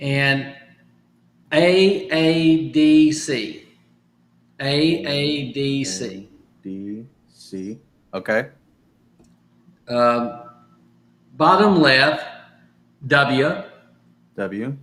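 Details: Adult stroke survivor recovering from aphasia, practising phrases from sticky notes as part of home therapy; aphasia.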